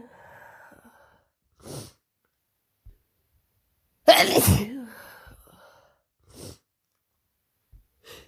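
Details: Person with a cold and sore throat since last night, after working a week at summer camp: several sharp sneezes, one loud and forceful, with soft breaths between; repeated sneezing.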